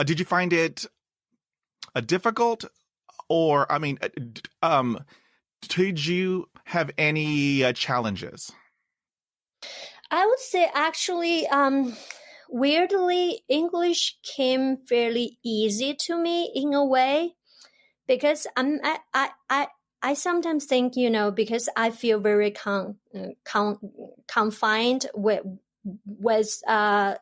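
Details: Adult woman who has stuttered since about age 7 or 8; she stutters in her Chinese dialect, Mandarin and English, and the stutter went unsupported in childhood; real developmental stuttering.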